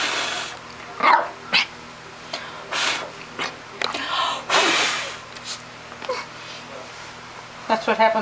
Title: World's cutest puppy sneeze bark